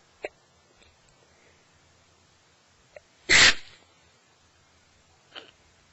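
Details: Person with a cold, nose fully blocked on waking, sneezing in bed; stifling is not deliberate but from congestion: one forceful, wet, partly held-back sneeze with faint breaths before and after.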